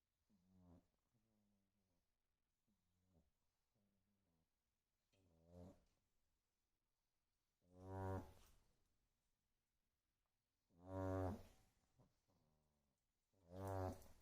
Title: Yeti Snoring Session